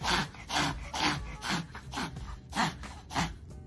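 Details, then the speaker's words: Reverse sneezing in a dog: rapid, repeated loud snorting inhalations; alarming-looking but often benign, caused by irritation where the nose meets the throat. "it looks really alarming it's often totally benign reverse sneezing happens when a dog has an irritation where the Nose meets the throat"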